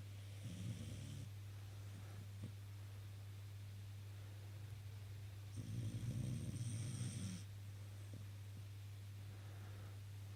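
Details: Tilly, a dog, snoring in sleep: soft, low snuffling snores, two in ten seconds, over a steady background hum.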